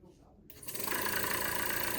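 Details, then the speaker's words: Home-care stationary suction machine, mains-powered with no internal battery, switched on to demonstrate before suctioning an artificial airway (tracheal): motor starts up and settles into a steady, loud whirring hum. "all right so I'm going to turn the device on just so you'll see how this"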